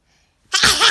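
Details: Child prompted to sneeze, with an onlooker questioning whether the sneeze is real: a brief quiet intake, then one loud explosive burst with hissing air; a single sneeze.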